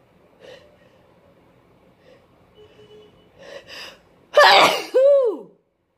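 Several faint stifled sneezes, then one loud forceful sneeze followed by a high squeaky after-sound; a sneezing fit.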